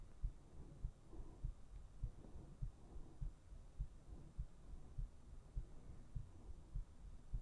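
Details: Steady, regular low thumping heartbeat at about 100 beats a minute with soft background hum; normal heart sounds.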